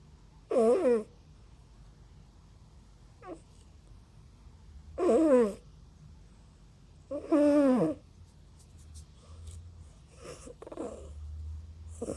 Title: Snoring cat